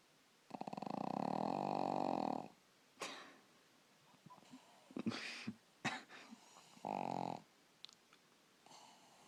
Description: Cute Sleeping Pugling Snoring Very Loudly!!!!